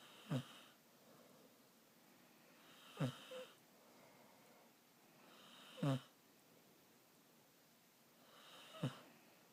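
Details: Light snoring while sleeping with head resting on owner's shoulder: four brief snorting breaths about three seconds apart, roughly 20 a minute, over quiet room noise.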